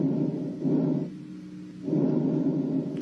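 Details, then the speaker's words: Normal healthy lung sounds heard through a stethoscope during a pulmonologist's demonstration: soft, low rustling vesicular airflow rising and falling with breathing. "te enseño cómo se escuchan los pulmones así se escuchan los pulmones"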